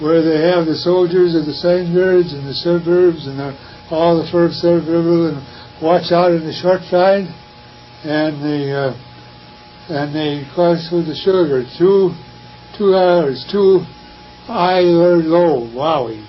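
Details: Acted demonstration of Wernicke's aphasia, attributed to temporal lobe stroke, intoxication or thiamine deficiency, with impaired comprehension and unawareness of the nonsense speech; Wernicke's (receptive) aphasia.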